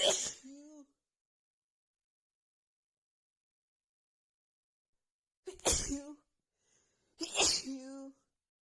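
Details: Three sharp, forceful sneezes seconds apart, each ending in a short voiced tail, in an intense repeated-sneezing fit after feeling sneezy all day with a tickling nose; sneezing continued long afterward.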